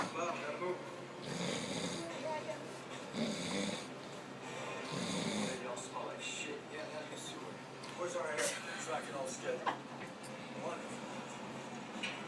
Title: Pranking my snoring cousin